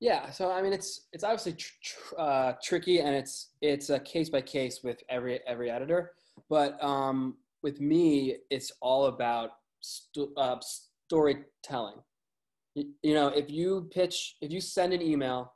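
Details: Man with a lifelong stutter, with word and phrase repetitions: stuttering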